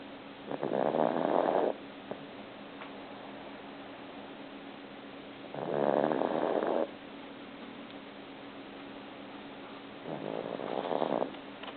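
Three slow, rumbling snore sounds on breathing in, spaced several seconds apart, over a steady background hum. Ordinary snoring.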